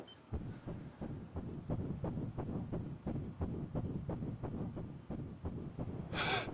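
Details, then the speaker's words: Simulated TV drama scene, fetal Doppler during prenatal ultrasound: rapid, regular whooshing pulses of fetal heartbeat, about 170 a minute. "Let's now listen to the baby's heartbeat."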